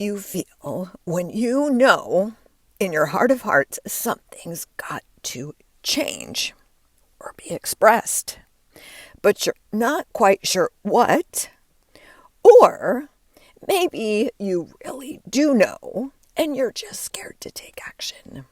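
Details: Adult woman with diagnosed spasmodic dysphonia, onset when her voice started to go and words barely came out while speaking at an event; she links it to stress and says it is still audible as she works through it.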